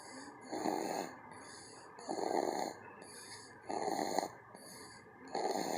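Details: Loud rhythmic snoring while napping, one snore with each breath in, about 38 breaths a minute, with a faint steady high whine in the background; the sleeper weighs 13 pounds.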